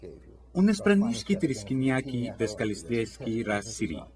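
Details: Acted imitation of nonsense "pirate language" from a Three Stooges episode, used as an example of fluent aphasia: language-like prosody without comprehensible content; fluent aphasia (jargon speech, imitation).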